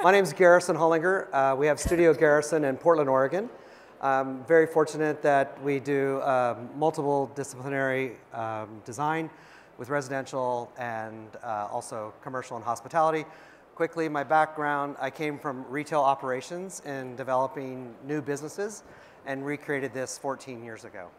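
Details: Adult male speaker; Normal speech.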